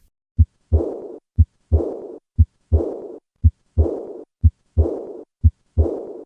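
Steady heartbeat near 60 a minute, each second sound followed by a blowing, fading murmur: the early diastolic murmur of aortic regurgitation.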